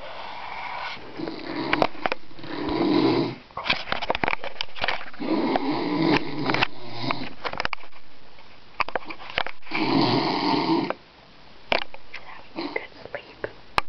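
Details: Man secretly filmed while asleep at a cottage makes repeated rough, fluttering snores, about four in fourteen seconds, with rustling between them; snoring.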